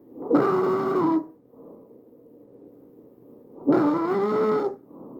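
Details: Tracheal stridor from a narrowed airway: two loud, harsh, high-pitched musical breaths with quieter airflow between.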